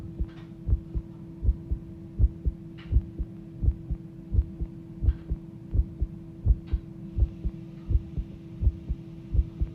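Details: Human heartbeat recorded as the heart started pounding: steady, heavy thudding beats at about 83 a minute over a low constant hum; pounding heartbeat.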